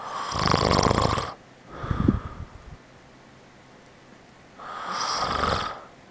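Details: Father asleep, giving loud, rough, rattling snores in breathing cycles with quiet pauses between them; ordinary heavy snoring.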